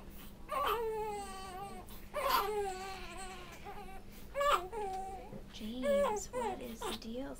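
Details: Infant on day 96 in the NICU, during burping, gives fussing, whimpering cries in repeated bursts, with a low steady hum in the room.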